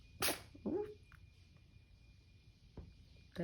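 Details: 7-week-old kitten sneezing after playing beside a dusty duffle bag: sharp sneeze, short squeak, then softer second sneeze, quiet talk in room; dust-induced sneezing.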